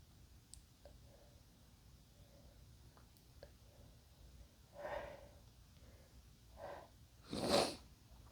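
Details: Male, induced sneeze: quiet breathy build-up sounds, then one forceful, wet, explosive sneeze in a small quiet room; sneezing.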